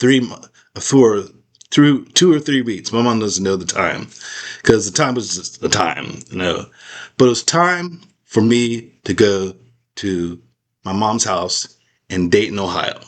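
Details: Aphasia after a stroke in an adult man, real patient describing life with aphasia; he says he still cannot talk as clearly as before the stroke.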